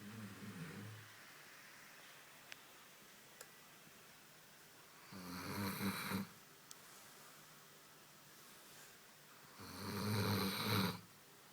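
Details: Dog (Koko) resting at home after a long walk in pouring rain: slow, loud, rattling snores every four to five seconds with quiet breaths between. Ordinary snoring in a sleeping dog.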